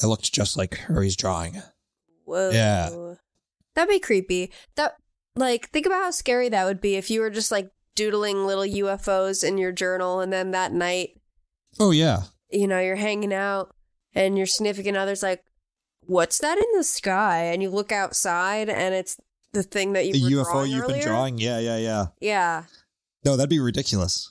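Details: Adult speaker; normal voice.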